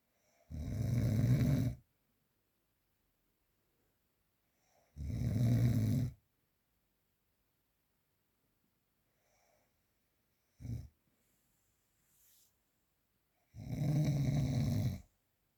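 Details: Real, unprocessed recording of sleep snoring: loud, low rattling snores on each breath in, about four in fifteen seconds, with quiet pauses between.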